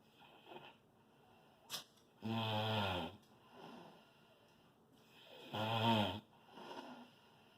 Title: snore loud